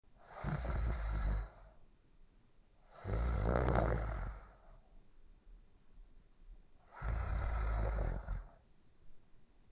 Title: Sleeping & Snoring in 1 minute & 42 seconds